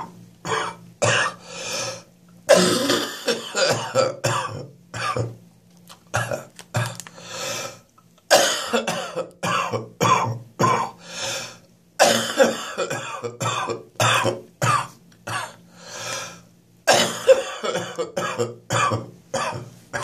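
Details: First morning coughing fit that woke the patient at 06:30, chest still quite bad: repeated harsh coughs in clustered fits with a loose, rattly quality; productive cough.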